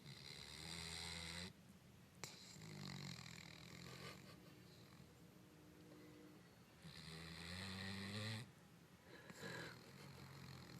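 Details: Dog snoozing with his eyes open: repeated low, rattling snores with softer breaths between them, roughly every three to four seconds.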